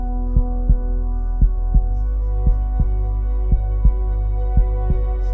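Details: Produced heartbeat sound effect in an epic music mix: paired low thumps at about 80 a minute over a sustained musical drone.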